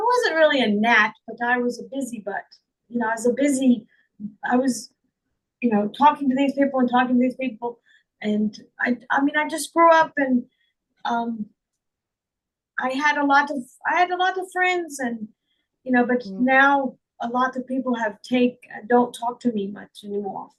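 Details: Woman with real foreign accent syndrome, speaking in her own voice; she also reports trouble remembering words, reading and saying big words.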